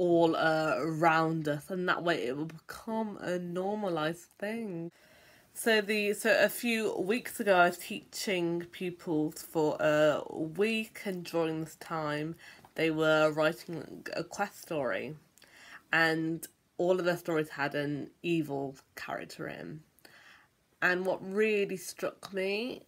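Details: Stammering (stuttering) in an adult.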